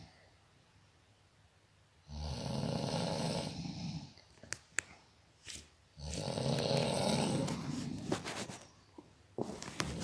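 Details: Person snoring: two long, loud, rattling snores on the in-breath, with quieter exhalations and small clicks between; heavy adult snoring.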